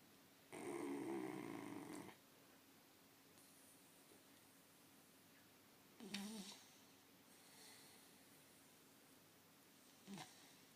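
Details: Snoring during sleep in a quiet room: a long, noisy, rattling breath followed by shorter snorting breaths.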